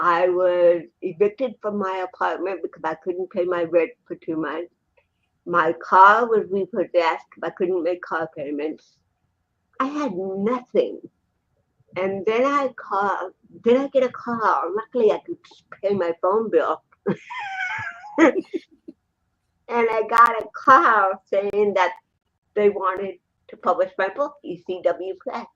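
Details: Adult woman, an actress and comedian, with cerebral palsy since birth in 1956, plus 75% hearing loss and hearing aids, in real unscripted speech: dysarthria (cerebral palsy).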